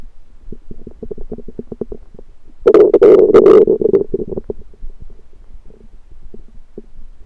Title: Stomach Noises Random Rumbling